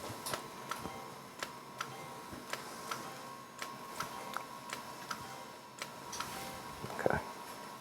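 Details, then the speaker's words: Quiet regular clicks, two to three per second, with a faint steady tone: a Potenza radiofrequency microneedling handpiece pulsing over the forehead on the first horizontal pass, with reduced needle depth, and about 500 pulses per full face pass. "As you can see, there's very little overlap, and with each full face pass, we're aiming for about 500 pulses."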